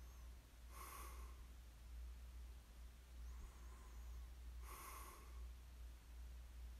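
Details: Snoring during sleep: slow, soft rasping breaths about every four seconds over a steady low hum; quiet snoring.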